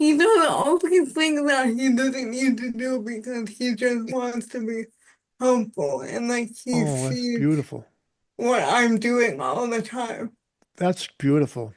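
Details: Dysarthria in an adult woman with spastic quadriplegic cerebral palsy since birth, with high muscle tone in all four limbs; she says voice assistants struggle to recognize her speech.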